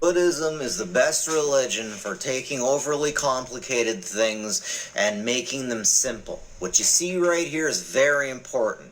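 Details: Adult man speaking; normal voice.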